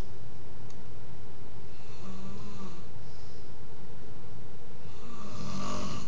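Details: Loud, rough, low snoring through sleeping breaths in a clipped, distorted recording; the sleeper claims he doesn't snore.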